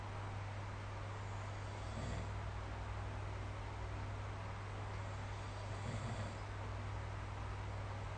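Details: Quiet snoring during sleep recorded with the SnoreLab phone app: two faint low rumbling breaths about four seconds apart above a steady low hum and background hiss.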